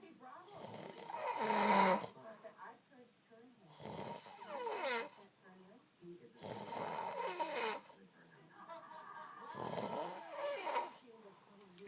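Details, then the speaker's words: Adult man snoring, keeping his partner awake, though he says it's not bad: four loud, rattling snores at regular intervals, roughly 20 a minute, with quiet gaps between. "wonders why I can't get any sleep at night."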